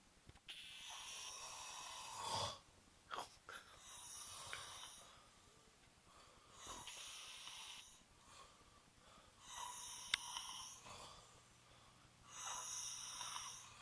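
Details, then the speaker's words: Loud, harsh, rattling snores recurring every few seconds from people sleeping nearby, recorded by someone kept awake, over steady room noise; heavy snoring. "I cannot fucking sleep because these motherfuckers are fucking sawing down a forest."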